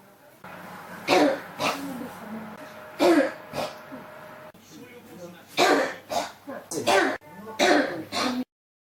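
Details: Persistent cough that won't stop: repeated cough bursts.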